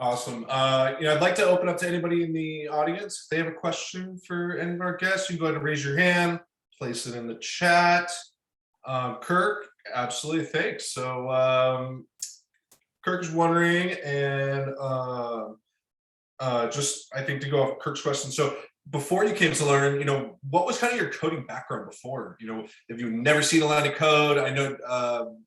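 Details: Adult speaker; typical speech.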